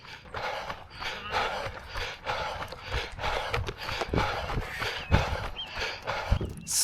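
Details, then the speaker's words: Heavy exertional breathing from a runner giving a full push in the last 900 m of a timed run aiming for sub-22: fast, heavy, rhythmic breathing that rises dramatically toward the finish. "my breathing starts to get dramatically higher and higher as we're about to push to the end."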